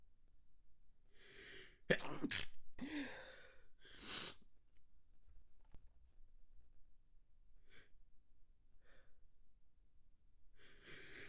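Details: Manually induced, extra-sensitive sneezes held back: inward breath build-up, then several sharp, partly stifled sneeze bursts and softer follow-up expulsions.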